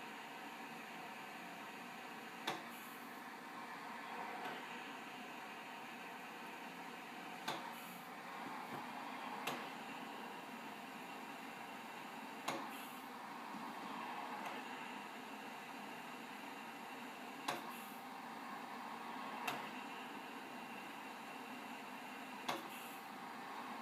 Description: using cough assist for Study